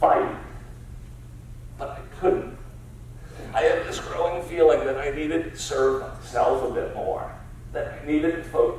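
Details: Adult man with spasmodic dysphonia diagnosed about seven years earlier, a rare neurological disorder affecting only speech with no known cause or cure; treated with periodic Botox injections; voice use not consistent or comfortable; spasmodic dysphonia.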